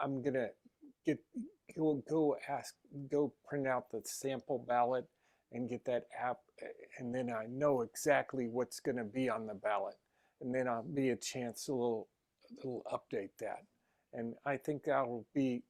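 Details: Adult man with aphasia, an aphasia group member; aphasia.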